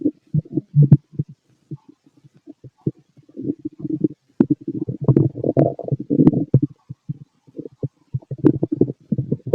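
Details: Stomach growling in a fit male, heard through a stethoscope: frequent gurgling and bubbling abdominal sounds in irregular bursts; ordinary active bowel sounds.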